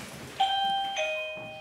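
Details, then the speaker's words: LVAD low-flow alarm in a 42-year-old man awaiting heart transplant after a heart attack, on the pump over a year: two-tone chime from the controller sounding when pump flow to the heart is too low. "c'est quoi c'est la pompe qui sonne quand il y a le débit qui est trop faible relié à son cœur cette machine le maintient en vie depuis plus d'un an"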